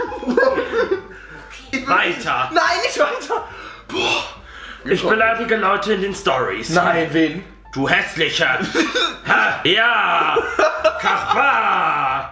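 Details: Vocal tics, including insults and a repeated word, in a man with Tourette syndrome.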